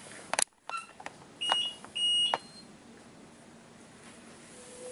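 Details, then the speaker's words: Plum A infusion pump in a nursing annual-competency demonstration, turned on after priming: clicks and a few short electronic beeps as it powers on and self-calibrates, then quiet room noise; infusion pump power-on beeps. "now setting up this is going to be so i'm going to turn it on and let it calibrate"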